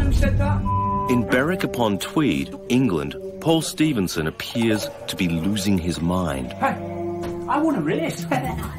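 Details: Adult male narrator; normal adult speech.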